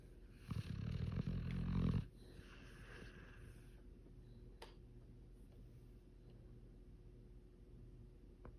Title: Awesome Ozzy snores